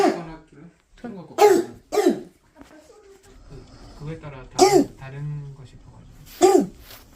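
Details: A young child diagnosed with croup gives four harsh, hoarse, seal-like barking coughs: croup cough.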